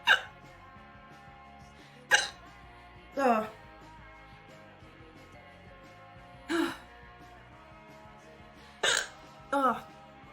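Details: Six abrupt, brief voiced gulping sounds over about ten seconds against quiet background music, from a streamer who says they ate too fast and it hurts: hiccups.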